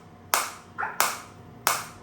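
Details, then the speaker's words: Biotronix focused shockwave device demonstrated; intensity increased while frequency automatically decreases: sharp, loud snapping pulses about every two-thirds of a second from the focused shockwave therapy applicator firing. "As soon as I [applause] increase the intensity, the frequency will get decreased because they are adjusting according to the uh patient."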